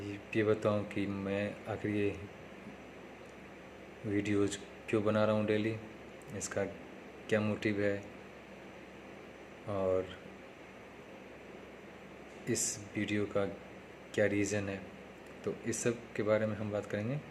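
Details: Man who stammers, speaking Hindi, on day 3 of his own speech therapy practice; stuttering.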